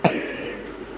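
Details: Cough, described as severe, in someone who had not taken their syrup: cough.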